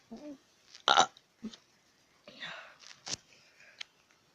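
A loud, brief guttural burp followed by a few softer ones, with quiet talk around them; ordinary belching of swallowed air.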